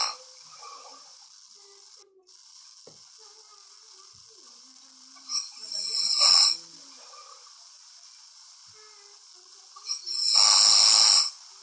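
Two noisy, rasping breaths about four seconds apart over steady background hiss, consistent with snoring during sleep.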